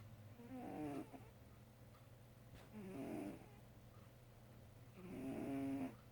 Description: Our cat Charlotte dreaming and snoring